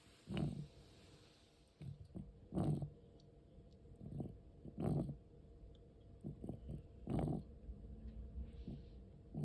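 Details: Noisy breathing in a 13-year-4-month-old cat with asthma: rough, rattling, growl-like breaths about 26 a minute, harsh noise on each breath; occurs also during sleep, sometimes stops.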